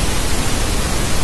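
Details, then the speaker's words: Steady, even hiss like a radio tuned between stations: white noise played at low volume to mask tinnitus and ease its discomfort. "on peut proposer aux individus souffrant d'acouphènes de leur donner un son blanc un bruit blanc comme celui que vous allez entendre"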